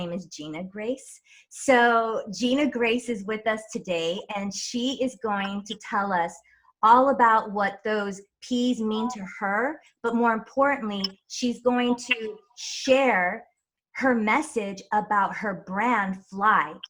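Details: Adult woman speaking; normal speech.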